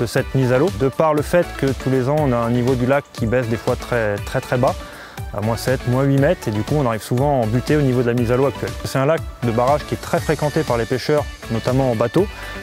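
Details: Adult man speaking French; ordinary speech.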